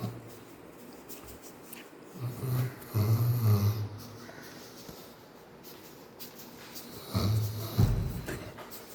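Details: Pet dog snoring while asleep and dreaming, making running movements as he dreams; snoring.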